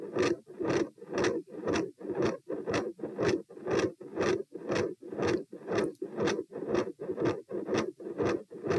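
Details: Heart auscultation stress test at position P, rates 90-102-132-78 bpm while lying, sitting, standing, then lying, in hot weather: beats near 120/min, harsh scraping mid-systolic murmur, very loud S2.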